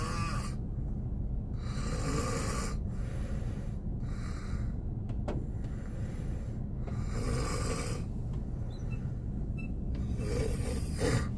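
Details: Adult man (boyfriend) snoring while asleep in a car on a snowy day, with rain-like sound: rhythmic raspy snores, about five in eleven seconds, over steady engine or fan rumble.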